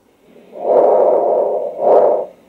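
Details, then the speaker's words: Decreased vesicular breath sounds, as in emphysema or early acute pneumonia: soft, low rustling breathing with longer inhalation and brief exhalation. "what are the pathologically decreased vesicular breathing first of all it's abnormal generational breath sound during pulmonary emphysema initial stage of acute global pneumonia"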